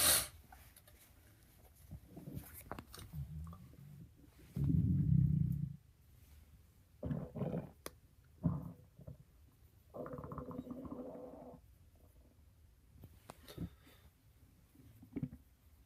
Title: Stomach growling for 2017